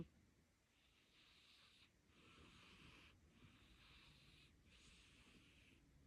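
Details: Devon Rex kitten sleeping soundly on a lap, snoring.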